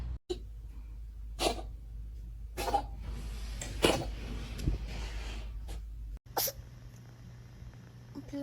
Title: The cat is sneezing.🤧#sneezing #catsoftiktok #funnyvideos #catlover #lovecats